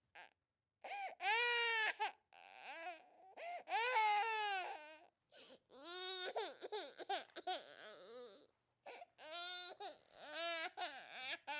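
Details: Sound effect of an infant crying in loud, high-pitched wailing bursts separated by brief gasping pauses: infant crying.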